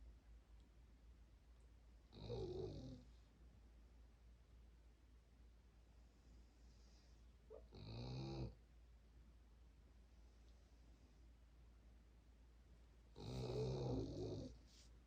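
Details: Three slow, noisy breaths over about 15 seconds, each with a low rumbling flutter, against steady room hum; snoring in a resting pet, owner wonders whether bronchial medicine is needed.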